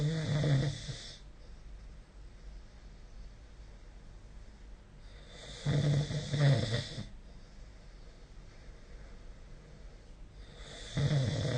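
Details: Loud rattling snores on the in-breath, about three in eleven seconds with quiet pauses, around 11 breaths a minute; sleep snoring recorded with the SnoreLab phone app.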